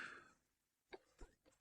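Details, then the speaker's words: Adult mother recovering from an illness the week before, now with lingering dry cough and swollen tonsils, run down: three short, dry coughs after a fading breath or voice sound in a quiet room. Dry cough. "and as you can hear kind of sick um I got over being I was really sick last week and um it's gotten away like the illness has gone away but this um dry cough and my tonsils are swollen Etc"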